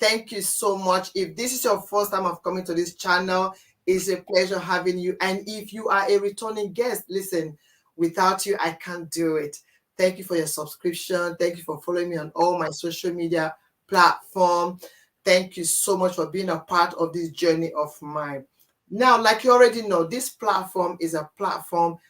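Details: Adult woman speaking; Normal speech.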